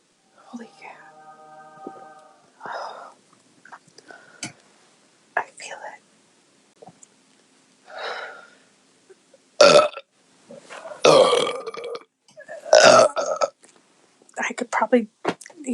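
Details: Adult woman burping after drinking beer: several loud, voiced belches among quiet talk and whispering in a small room: repeated burping.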